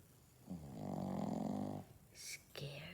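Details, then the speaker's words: Owner's furry "baby boy" pet caught snoring, called a scary snore; one long, loud, rattling snore on the in-breath, then a short breath out and the next breath beginning. "That's how my son snores."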